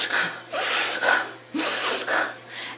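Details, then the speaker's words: Person imitating a dog's reverse sneeze, a spasm that can be caused by nasal mites or allergies: rapid, harsh, snorting inward breaths in repeated bursts. "it's a spasm and it's a lot like you're I getting a sneeze but it's actually what we call a reverse sneeze or instead of it's like that they're going"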